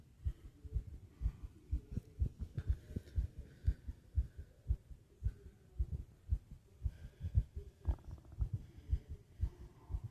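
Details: Fast, regular, low heart thumps at about 118 beats a minute, a fast heartbeat (tachycardia), with heavy breathing.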